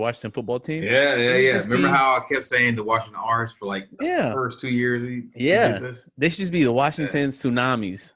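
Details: Adult man; typical speech.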